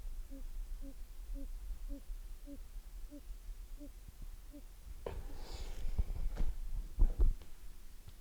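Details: Audible heart murmur from mitral valve prolapse: short, regular musical chirps at about 95 a minute.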